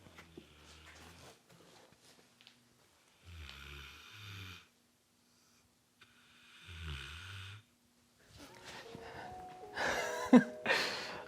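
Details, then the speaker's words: Snoring from a big sleeping Rottweiler dog. "I don't know if you can hear that's my dog snoring"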